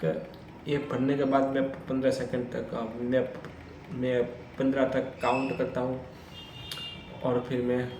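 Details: Adult man's own speech in Hindi, self-reported stammering, filmed on day 1 of a daily speech practice routine (tongue, lip and breathing exercises); stuttering.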